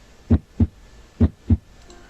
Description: Circulación de la sangre en el corazón, funcionamiento de las válvulas, ruidos cardíacos normales y soplos